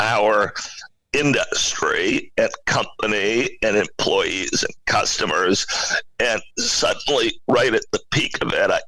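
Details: Adult male CEO with spasmodic dysphonia, a very rare neurological voice disorder affecting only speech, of no known cause and with no known cure; acquired in 2010, voice suddenly became hard to use. Finding: spasmodic dysphonia.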